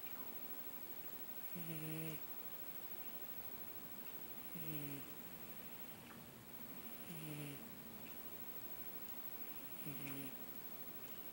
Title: Snoring cat